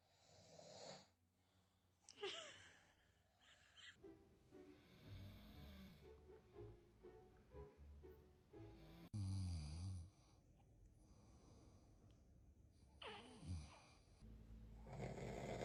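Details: Adult male (father) snoring, startling a baby: low, rough snores in irregular bursts with faint background music and other noises.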